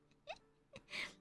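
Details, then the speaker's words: A male pet cat that was purring sneezes directly into the microphone: two faint squeaky intakes, then one sharp hissing burst; a single cat sneeze. "Bless you, big boy. Oh my goodness. That was a good sneeze. Bless you, big boy. He sneezed directly into the mic."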